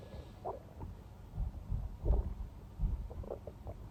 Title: stomach growling non-stop | close up